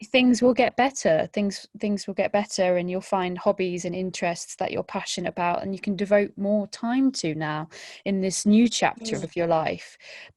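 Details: Adult woman speaking; typical speech.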